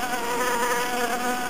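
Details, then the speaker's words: Simulated tinnitus buzzing, a sound the patient hears with no external source, constant or intermittent, often likened to a cicada or bee: a buzzing tone. "zumbido no ouvido e um bidão sul que a gente consegue at o paciente escuta sem ter uma fonte externa que gere esse som e geralmente é um som que ele pode ser constante ou ele pode ser intermitente também"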